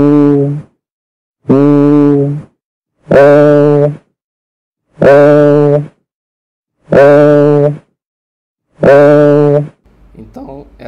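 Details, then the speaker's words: Teaching example of egophony from pediatric lung auscultation: the patient says a prolonged vowel "i", heard through the chest as six sustained sounds with a nasal, bleating, goat-like quality. It may be seen in lung consolidation. "parada ao balido de cabra o exame é feito com o pedido para que o paciente fale a a vogal I por um tempo prolongado e Pode ser observado com nitidez a alteração da Eu escuto"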